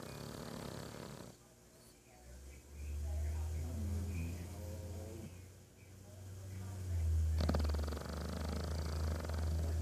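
Low rumbling breaths rise and fall over several seconds; snoring during sleep.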